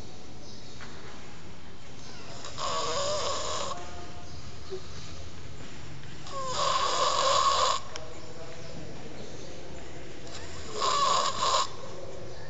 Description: This kid ain't big but sounds like a pig